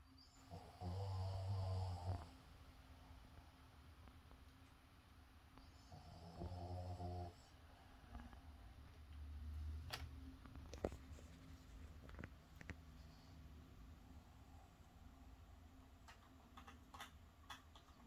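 Deep, rattling snores on the in-breath, about one every five seconds, with quiet breathing between in a small room. Snoring.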